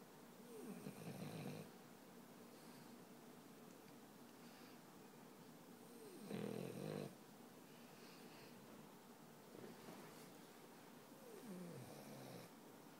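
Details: French Bulldog, 13 months old, sleeping, with four rough, rattling snores of about one second each and quiet breathing between them in a small room; snoring.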